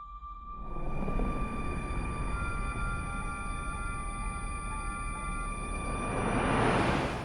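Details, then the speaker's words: Film sound design simulating tinnitus in Baby Driver: the Sony logo ding re-pitched and stretched into steady high-pitched ringing over a low rumble. "This is then re-pitched and stretched until the ringing mixes into the sound of tinnitus, which becomes a reoccurring sound throughout the rest of the runtime."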